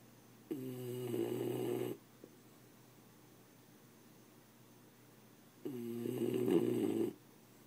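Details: Small dog snoring unusually loudly while dozing in the owner's lap with his neck across the owner's arm: two soft, droning snores about five seconds apart with quiet breathing between.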